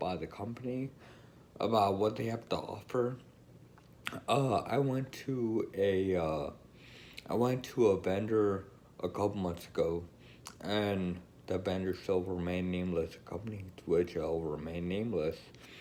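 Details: Adult woman with Friedreich's ataxia who uses a wheelchair and reports lacking coordination. Ataxic dysarthria.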